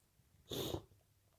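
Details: Person with a cold, woken late at night by a strong nose tickle, sneezing quietly into a pillow: a single short, sharp burst of air in a quiet room.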